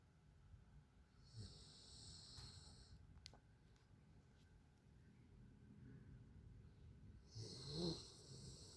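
Quiet, soft snuffling snores from a sleeping dog, with faint hissing breath sounds; light snoring.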